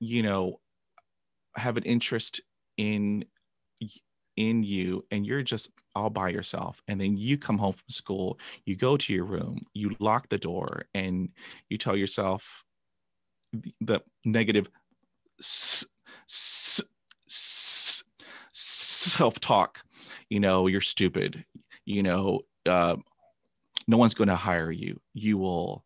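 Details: Adult man who began stuttering after a traumatic dog attack at age 5, with 20 years of speech therapy; stuttering.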